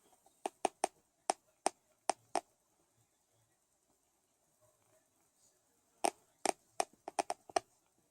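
Two bursts of sharp, rapid tooth clicks and cracks, about eight each, separated by quiet in a still room; severe teeth grinding (bruxism).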